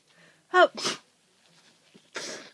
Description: Some snotty honking blows as requested and some more sneezes as I'm still sick. Achoo achoo all day!